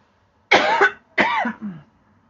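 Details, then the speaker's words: Two harsh, voiced coughs in quick succession from an adult in a quiet room, with a persistent cough the speaker cannot escape. "I cannot escape this cough, people."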